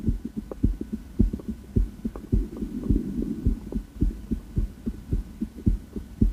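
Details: Female heart auscultated with a stethoscope on a heart tour: regular lub-dub beats at about 105 a minute with a light background hum; heart sounds.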